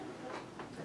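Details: Acted imitation by a speaker of the gurgling, wet voice from material sitting on vibrating vocal cords, a sign of aspiration risk, mostly with liquids, in dysphagia; wet (gurgly) voice.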